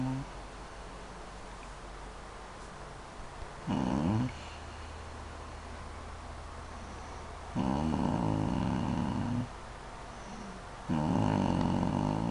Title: son videos mother snoring pretty loud